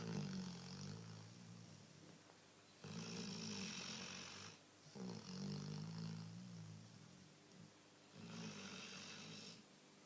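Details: Snoring likened to an old man's: steady rhythmic snoring, about 12 breaths a minute, with a rattly low in-breath and a hissing out-breath.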